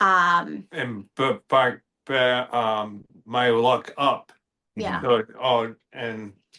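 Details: Expressive aphasia in an adult male after a stroke in October 2025 affecting the Broca speech centre.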